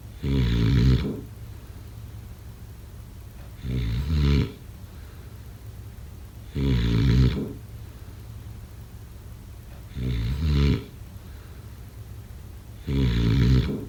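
Loud, regular low rattling snores about every three seconds, roughly 20 a minute, with quiet gaps between; ordinary sleep snoring.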